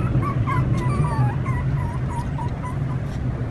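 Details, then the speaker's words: Repeated high, thin whimpers and whines from a puppy in pain, presented as a puppy with a stomach ache, kept in a box. "các bạn có nghe tiếng chó con đang rên la không Hôm nay t sẽ hướng dẫn các bạn cách nhận biết tiếng kêu của chó tiếng kêu như vậy đó là chó Nó nói là đau"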